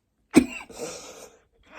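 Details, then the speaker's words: Adult with a persistent cough, coughing near non-stop all day: one sharp, explosive cough followed by a breathy, rushing exhalation. "ready to go to bed I'm tired of coughing like I'm TI cough basically non n stop today"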